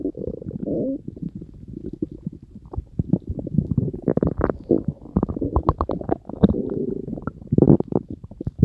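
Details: Stomach growling from a person's belly: continuous gurgling, bubbling and low rumbling with many quick pops and squeaks, a normal sound of gut movement.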